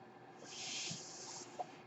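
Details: A soft, steady hiss of airflow rising and fading over about a second: one breath delivered by the speaker's own home mechanical ventilator, audible while they talk.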